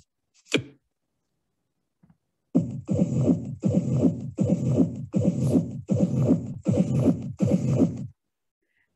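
Harsh, scratchy, sandpaper-like bursts repeat with each heartbeat at about 80 a minute, the grating sound of a pericardial friction rub.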